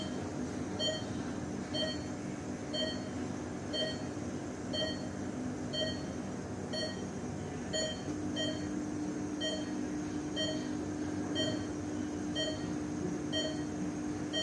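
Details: Sound-effect recording of an ICU patient monitor: regular beeps about once a second over steady room hum, with a faint continuous alarm tone joining partway through.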